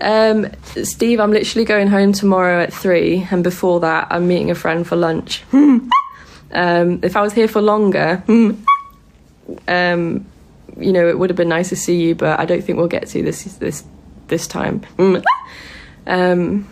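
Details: Vocal tics in a person with Tourette syndrome, making tic noises while awake during a live stream.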